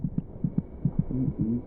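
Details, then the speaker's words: Fetal heartbeat at 26 weeks, heard with an ear against the mother's abdomen: rapid, regular soft thumps at about 150 per minute, roughly twice the mother's rate. The fetus may be kicking. "by week 26 it may just be possible to hear the fetal heartbeat by putting your ear against the mother's abdomen is she kicking it's quite loud the fetus's heart beats about twice as fast as her"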